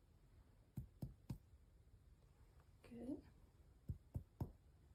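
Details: Student nurse percusses the front of a healthy adult's chest: two sets of three quick finger taps give hollow, low, resonant notes, with a brief voice between: normal resonant lung percussion.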